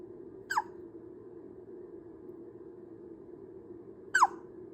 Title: 아기 딸꾹질 소리 🐥 | あかちゃんのしゃっくりの音 | Baby Hiccup Sounds